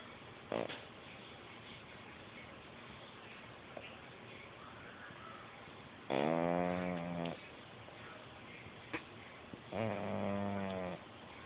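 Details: Cat snoring: two drawn-out, buzzing snores several seconds apart over steady room hiss; a sleeping cat snoring.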